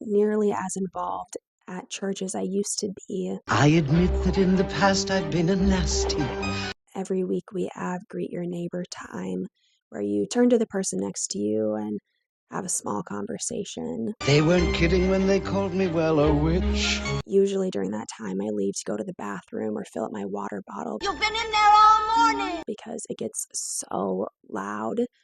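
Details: Young woman diagnosed by a speech pathologist with moderately severe adductor spasmodic dysphonia, onset at 16-17 and progressing over about 7 years, worse with anxiety and stress and better with alcohol; film clips are mixed into the audio: adductor spasmodic dysphonia.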